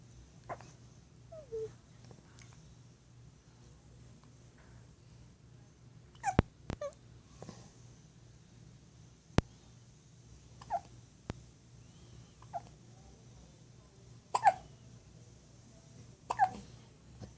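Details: Infant hiccups: brief, sharp, irregularly spaced hiccup sounds, about 30 a minute, with faint squeaks in a quiet room.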